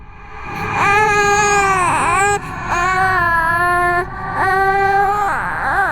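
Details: Simulated ghost baby cry, a designed horror sound effect with layered ambience, reversed textures and distortion: rising and falling wails with a clear crying tone in three long bursts; infant cry.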